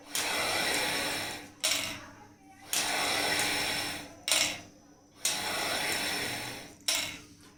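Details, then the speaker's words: Physiotherapist demonstrating incentive spirometer (triflow) held upside down for expiratory exercise: deep breath in, then three long forceful fast exhalations with short inhales between, for lung strengthening (Covid-19, COPD, asthma rehab). "उल्टा करने के बाद जब हम होती है लोग पहले गहरी सांस नहीं और मौत हम लोग सांस को बाहर छोड़ेंगे स्पीड से"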